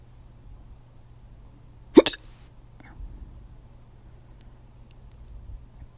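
A single sharp hiccup with a brief follow-on sound, then faint room noise and a low steady hum.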